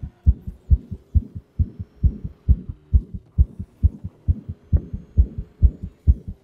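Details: Rapid heartbeat, strong and regular at about 130 bpm, pounding forcefully while playing the racing game Hot Wheels Unleashed 2; owner notes a small murmur.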